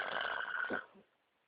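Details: Single short, harsh snort trailing off into quiet; brief snoring during sleep on a canoe trip, described as drunk snoring.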